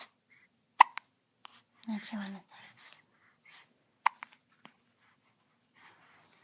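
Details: Baby awake early in the morning after a night's sleep, with sharp hiccup sounds among an adult's soft baby talk and whispering; infant hiccups.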